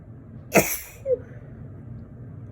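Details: Person with allergy who has had a tickly nose for days; the sneezes are softer than usual. A single sharp sneeze burst with a brief voiced tail over room noise: sneezing.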